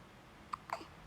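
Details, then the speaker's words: Baby boy aged three and a half weeks with hiccups: two short, soft, high-pitched catches in a quiet room. "Oh god. You got hiccups? Uh-oh. Uh-oh."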